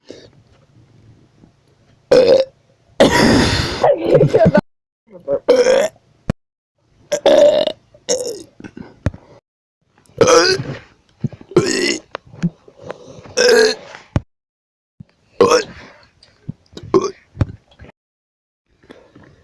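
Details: A run of about a dozen loud, drawn-out burps over twenty seconds, with short gaps and some voice between them; a burping compilation.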